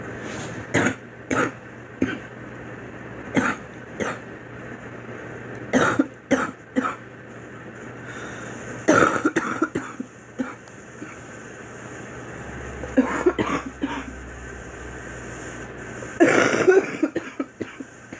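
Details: Acted coughing by a girl: short, dry coughs, single and in small clusters, spread across the clip.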